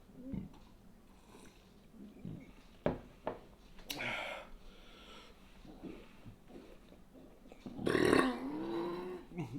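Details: Man belching after eating an extra-large turkey sandwich: eating noises and brief vocal sounds, then a loud, drawn-out belch; he mentions an air bubble that won't come out.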